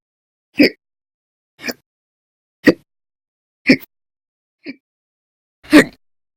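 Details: Six short, sharp hiccups about a second apart in a quiet room, from a person with persistent, violent hiccup bouts lasting hours at a time over November 1–20, 2019.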